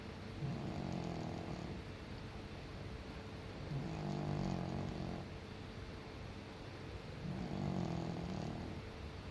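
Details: A senior cat sleeping: soft, rhythmic rumbling snores about every 3.5 seconds (roughly 17 breaths a minute) over steady room noise; normal snoring.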